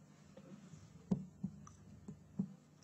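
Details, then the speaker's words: Abdominal examination demonstration: four soft, dull finger taps percussing from well below the liver to find its bottom edge, then toward its top edge, to note liver size. "Firstly, trying to percuss out the liver, starting from well below, and noting where the bottom edge of the liver is,"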